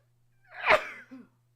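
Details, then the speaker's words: A single sharp adult sneeze with a brief voiced tail over a faint steady room hum, heard during a live talk: sneeze. "joy sneezing by the way if you want to know what that sound is"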